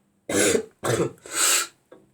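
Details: Vlogger with a bad cough who also snorts and clears the throat often: two short harsh coughs and a drawn-out throat clear in a quiet room; cough with throat clearing.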